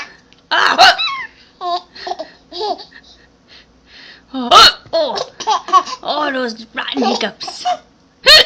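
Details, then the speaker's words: Baby with hiccups: abrupt, short catches of breath at irregular intervals interrupt laughing and babbling; hiccups. "oh no do you have the hiccups now too oh no you have the hiccups too"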